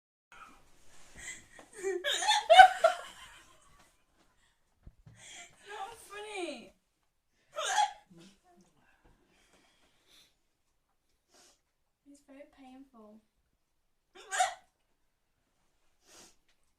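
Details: Female with hiccups: several sharp, brief voiced hiccups spaced a few seconds apart, with some laughter and talk mixed in early on.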